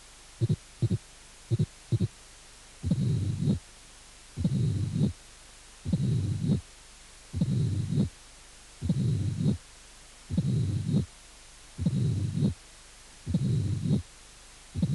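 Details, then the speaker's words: Mitral stenosis: loud first heart sound, early-diastolic opening snap and low diastolic rumble with presystolic accentuation building into a loud, snapping first sound. "estenosis mitral con arrastre pre sistólica primer ruido fuerte chasquido proto diastólica y retumbó diastólica"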